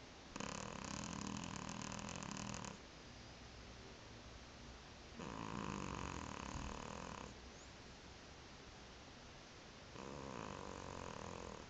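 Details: Tifi, a sleeping cat, snoring: three long, rattling snoring breaths in about twelve seconds, roughly 15 a minute, with quiet gaps between.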